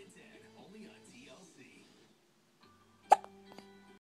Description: She's pooping and has hiccups lol